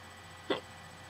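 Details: Person with hiccups on a hot day: a single short, sharp voiced gulp against quiet room noise; hiccup.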